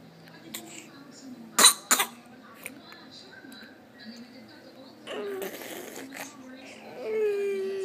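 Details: A 7-month-old infant (Baby A) gives two quick, sharp coughs close together, followed by soft fussing sounds.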